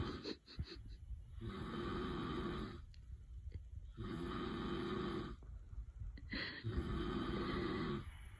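Long, loud, rough snoring breaths about every two and a half seconds, in a quiet room; steady sleep snoring.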